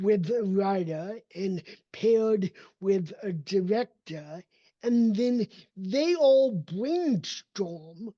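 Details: Dysarthria from cerebral palsy in an adult man whose speech did not develop until age seven after extensive speech therapy and needs constant training; others sometimes assume he is drunk.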